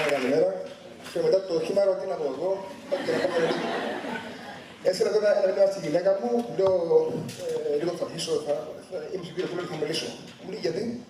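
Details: Stuttering in an adult man who says he has received therapy for it.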